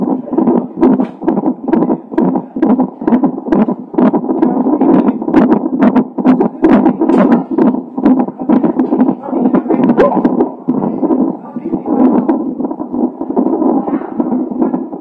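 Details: Fetal heart tones of a baby with Down syndrome, recorded a few hours before birth: rapid, steady whooshing pulses at roughly 130 beats a minute.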